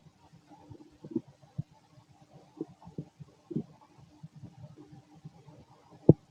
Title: Fit male stomach growling digesting